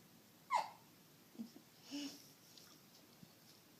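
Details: Infant hiccups from a baby boy who also had bad hiccups in the womb; described as sounding like a little mouse.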